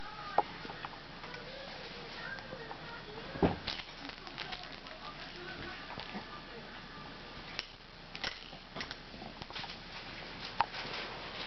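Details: Young child playing with her doll gives a single short, sharp voiced burst over quiet room noise: a sneeze.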